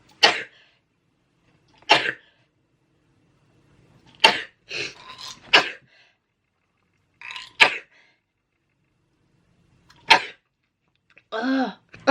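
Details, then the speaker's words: Sneezing fit after about 15 sneezes, with watering eyes and a running nose. Six or seven sharp, explosive sneezes a couple of seconds apart, some with a short lead-in breath, in a quiet room. "I've sneezed 15 times. Oh my god, I can't stop."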